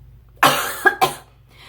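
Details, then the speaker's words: A single harsh, wet cough with a quick double follow-up from a person coughing for eight days with postnasal drip and dry throat; a productive cough bringing up mucus, lungs reportedly sounding fine to a doctor. "it may sound like I'm on death's door but my doctor told me that my lungs are sounding great so you actually the reason it sounds so gross it's because my cough is actually productive as it is successfully rounding up all the mucus and shoving it up been out an un"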